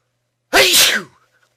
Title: Loud sneezes